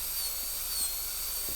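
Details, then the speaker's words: Steady high-pitched whine of a high-speed dental handpiece in a class demonstration of a gold onlay prep on a Kilgore MOD class II practice tooth. The B plane is cut straight from the mesial marginal ridge through the oblique ridge. "Just cut straight through from the measial marginal ridge all the way through the oblique ridge."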